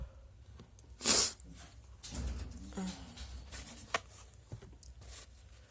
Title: some induced sneezes